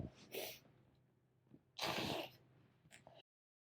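Two sharp sneezes, with a softer sniff between them and a small one after, in a quiet room.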